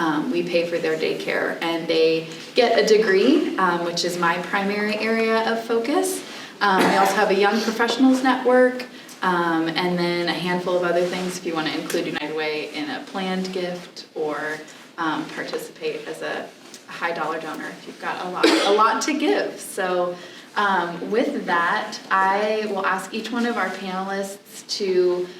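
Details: Adult woman speaking; ordinary speech.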